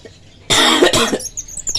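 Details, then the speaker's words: Adult keeper deliberately coughs twice in quick forceful bursts to test a beach monkey's reaction; the monkey reportedly screams whenever it hears the keeper cough. Voluntary cough. "kita coba kalau kita batuk respon dia seperti apa jadi kalau saya batuk pasti dia langsung teriak-teriak"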